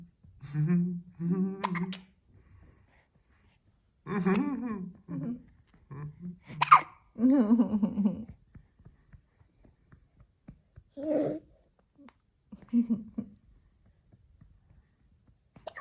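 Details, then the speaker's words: Child with hiccups in the morning: short voiced hiccup-like catches recurring among soft vocal sounds in a quiet room; hiccups. "Hiccup. You find this funny? Oh, you're hiccuping, huh?"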